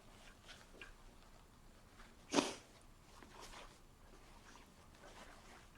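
A single brief, sharp sneeze burst against quiet room noise, with a few faint breaths and rustles around it.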